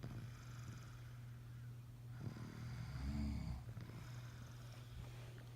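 Soft low rattling snore over steady background hum, one louder vibrating breath in the middle.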